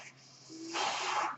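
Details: Sound of the speaker's own mechanical ventilator during recorded speech: a steady low hum and faint tone, then a sudden rush of hissing airflow as the ventilator delivers a breath.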